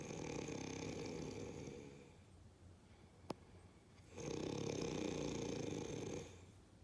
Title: snoring